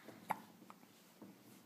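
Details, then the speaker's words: Young child sitting in a high chair with hiccups: a single sharp, brief hiccup followed by a couple of softer sounds in a quiet room. "are you all done you have the hiccups huh hiccups hiccups"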